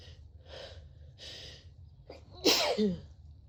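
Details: Sneeze with a cold: several quick, breathy inhalations building up, then one sharp, voiced sneeze.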